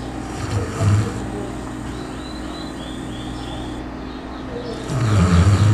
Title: Ronco alto pra cachorro! - Snoring dog! em Matias Barbosa